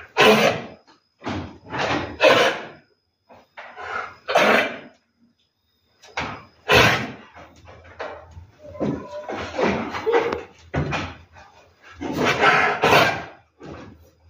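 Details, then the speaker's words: Pregnant sheep that coughs as if choking, eats little and seems listless: repeated harsh forceful bursts at irregular intervals, some in quick pairs; owner unsure whether choking or cough, likely a cough, unchanged after massage and herbal treatment. "Oke di video kali ini saya akan membuat video pengobatan domba batuk ya kebetulan domba saya mengalami batuk seperti di ini videonya"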